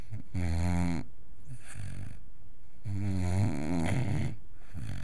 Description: Max my wire-haired vizsla pup (5 months) snores for England keeping us all awake.